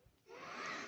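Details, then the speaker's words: Wheezing in a sick person with asthma whose inhaler isn't helping: a short, noisy breath in with a faint whistling tone while talking, from narrowed airways. "sorry if my voice tends to like get a bit shaky if you will or you can hear me wheezing that's because I'm kinda sick if you will end my asthma though I took my puffer just it's not working in many ways"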